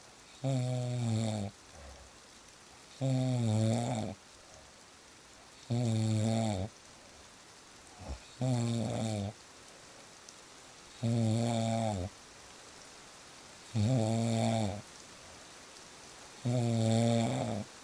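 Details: Real snoring recording: loud, regular snores on each in-breath, about seven in eighteen seconds, with quiet gaps between and steady rain in the background; snoring.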